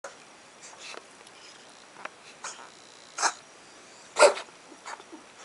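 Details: A few short, harsh, explosive bursts, two louder than the rest, in a quiet room from a cat (Sadie), recorded 18 March 2016: coughing.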